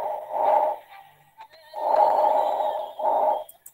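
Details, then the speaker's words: Normal vesicular breath sounds heard over healthy lung: soft, rustling breath sounds rising and falling with breathing, played as a teaching example of normal breath sounds. "vesicular me está diciendo que dijimos nos estaba sería la zona del alivio lo que iba a estar en todas la víscera pulmonar ya por eso llama murmullo vesicular"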